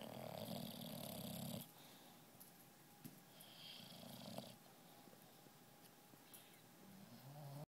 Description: An English bulldog snores